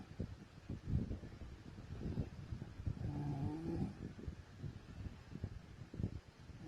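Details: Wife snoring while asleep: low rattling, fluttering breath noises with a brief groan midway.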